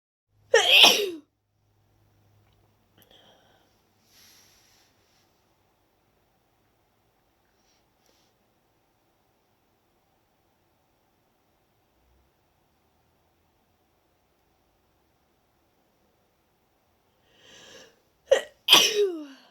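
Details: Deliberately induced wet sneezes, itchy and tickly after a long break from inducing: one sharp wet sneeze, a long quiet stretch, then a build-up of breaths ending in two more sneezes.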